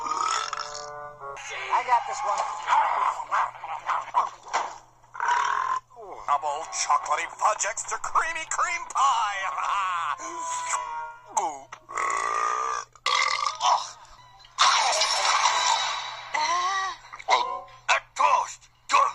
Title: Third Burping Tournament, First Round, Second Battle